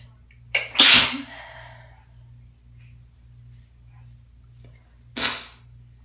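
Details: Sneezes from a person who is sick in winter, with asthma and a recent wet, chesty cough: two loud, explosive, hissing, wet, congested sneezes a few seconds apart over low room hum.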